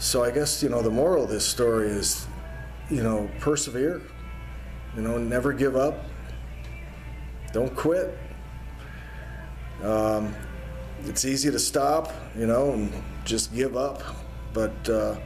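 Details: Adult man speaking; ordinary speech.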